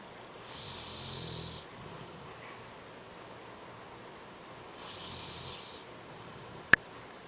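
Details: Snoring: two slow, rumbling, hissy inward snores about four seconds apart in a quiet room, with one sharp click near the end.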